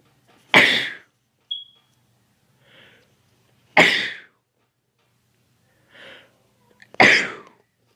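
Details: Three loud sharp sneezes, each preceded by a soft breath in, in a quiet room, induced by going near dust; sneeze.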